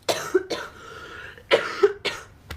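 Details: A person who says they are very sick, with a cracking voice, gives a few harsh short coughs in quick clusters, some with a throaty clearing quality; coughing.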